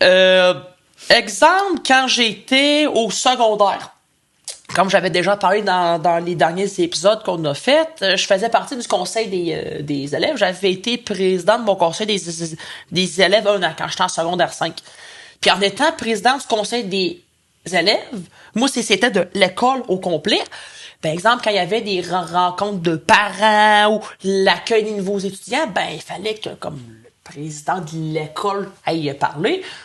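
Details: Adult male who stutters and uses his own strategies to control it; French speech; stuttering.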